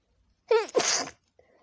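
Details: Woman at night, nose tickling, gives a single sneeze: a brief voiced intake, then a sharp hissing burst of air through nose and mouth; poor audio quality, stitched clips; ordinary sneeze.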